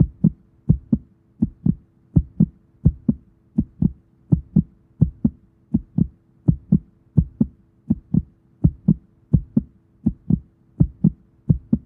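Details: Heartbeat described as fast: regular paired heart thumps at about 83 beats per minute, steady, with a faint background hum.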